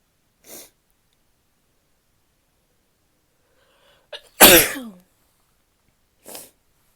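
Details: Female: a quick intake of breath, then one loud explosive sneeze with short sniffs before and after; sneeze.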